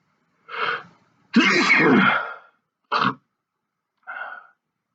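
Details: Sneezing fit after sniffing in both nostrils: a half-stifled sneeze, a long forceful open sneeze, then two shorter clipped, stifled sneezes, too strong to keep stifling.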